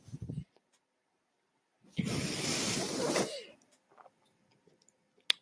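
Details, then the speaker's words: Adult man on a mechanical ventilator while speaking: a brief low sound, then a steady airy hiss of about 1.5 seconds, then quiet; one ventilator-delivered breath cycle. "hello everyone my name is that noise earring is my ventilator and welcome to patron as they were not my Star Wars podcast"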